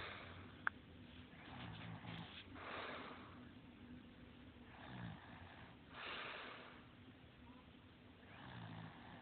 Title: Snoring Beauty